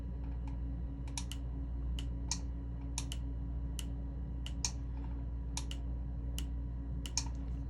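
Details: Sharp, irregular snapping clicks over low room hum from tattoo-removal laser pulses during a patch test at the brow corner, removing microbladed eyebrow pigment from 7 years ago that had migrated; client rates pain two or three out of ten.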